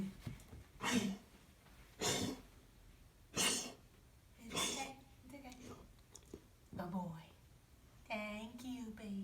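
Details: Cough: four harsh, forceful cough bursts about a second apart, then a person's soft comforting voice.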